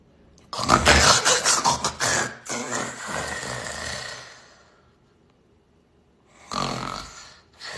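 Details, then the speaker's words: Loud, harsh, rattling snores separated by a quiet gap; such snoring is described as likely indicating obstructive sleep apnea, with periods of complete apnea during sleep. "conoces a alguien que ronca así bueno si conoces a alguien que ronca de esta manera muy posiblemente esa persona tiene una cosa que se llama síndrome de apnea obstructiva del sueño"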